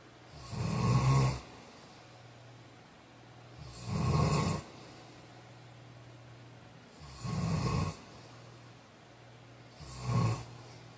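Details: Four loud, rough snores about 3 seconds apart, roughly 18 a minute, with quiet breathing between them: ordinary sleep snoring.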